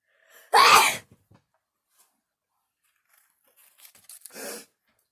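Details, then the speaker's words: Person's natural at-home sneeze, done on purpose, with the person saying they do not have the virus: one loud explosive sneeze, followed by quieter rustling and a softer sniff or breath. "so now i'm going to do the sneeze that i do my natural sneeze at home i'm getting tested i'm just kidding i'm not but it feels like it this is my actual sneeze guys"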